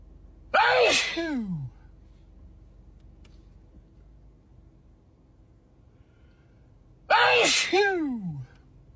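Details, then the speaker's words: Adult man sneezing: two loud, explosive voiced sneezes several seconds apart, each ending in a falling vocal sound; his sneezes reportedly get even louder. "Can you believe these sneezes get even louder than this?"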